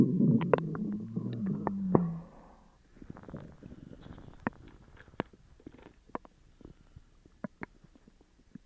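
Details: Upset stomach after eating sugar-free gummies: a loud gurgling rumble in the first two seconds, then scattered bubbling clicks and pops; borborygmi.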